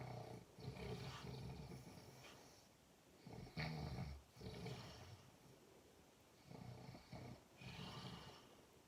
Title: Ngorok/ Snoring kayek Suara Harimau 😂😂